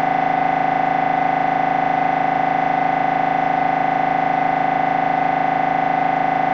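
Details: Noise of an MRI scanner recorded during a brain scan: loud, steady mechanical buzzing drone pulsing about 158 times a minute. MRI scanner noise.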